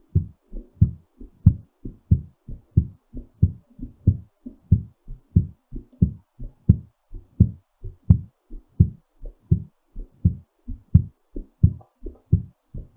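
Strong, regular low thumps at about 90 a minute, a quickened but normal heartbeat while recovering after exercise.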